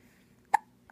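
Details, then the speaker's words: Infant girl with hiccups being held for play before a nap: a single brief, sharp hiccup sound in a quiet room. "Those hiccups are a pain, aren't they?"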